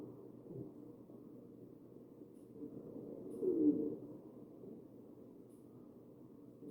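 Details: Wheezing in a real patient on a mechanical ventilator, recorded at the chest: steady low breath noise with a brief musical, falling-pitch whistle midway.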